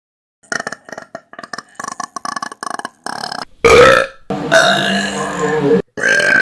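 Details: Clip from a compilation of burps taken from YouTube videos: a rapid string of short croaking belches, then several long, loud, drawn-out burps, burping.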